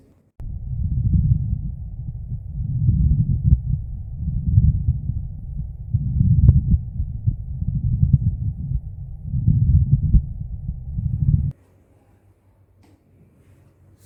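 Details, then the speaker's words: Pleural friction rub heard on auscultation in dry pleurisy: low, coarse grating sound waxing and waning with breathing. "last plural rub or friction this this type of sound is present in case of puracy dry puracy and this sounds on escalation it appears like"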